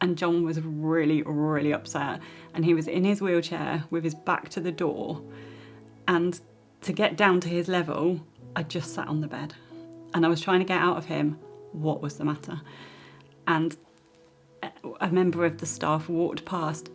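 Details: Adult woman speaking; normal speech.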